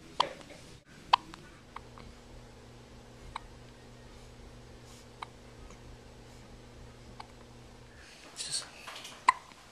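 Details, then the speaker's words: Girl with frequent hiccups: repeated short, sharp hiccup sounds, about seven in ten seconds, over a steady low room hum; hiccups. "Uh you got the hiccups do a good one for grandma you Poor girl"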